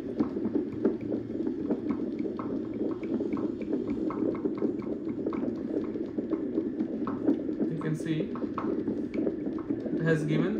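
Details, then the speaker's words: Bistos BT 350 CTG fetal monitor test without a patient, the ultrasound probe tapped by hand: steady whooshing Doppler hiss broken by quick repeated taps; fetal Doppler monitor test sound (probe tapping). "Now to test this, we will just tape it, as we don't have patient right now here. You can see, if you tape it like this, it will give you the graphs."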